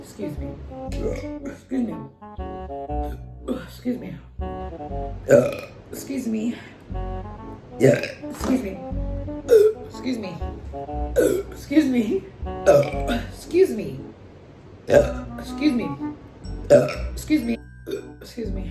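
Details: Woman's burping compilation: repeated loud, low, croaky burps, each followed by a brief spoken apology, with music in the background; ordinary belching.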